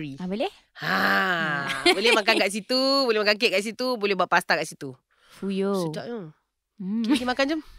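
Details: Adult speaker; typical voice.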